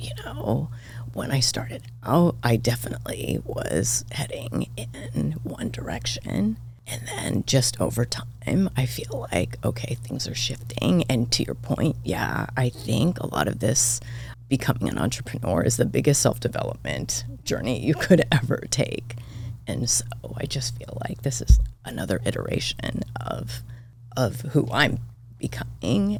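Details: Adult woman diagnosed this year with spasmodic dysphonia; she attributes it partly to voice overuse and partly to stress, and says it seems to be occurring during this recording; finding: spasmodic dysphonia.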